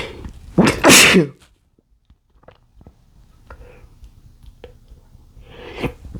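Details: Male trying to stifle sneezes after chikni sneezing powder: a loud, forceful sneeze burst, a quiet stretch, then a second sneeze; stifling fails to keep them quiet.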